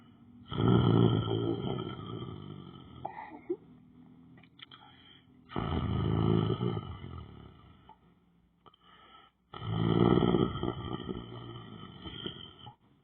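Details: Man lying down on the floor asleep: loud, rough, rattling snores repeating with each breath, separated by quieter pauses; snoring.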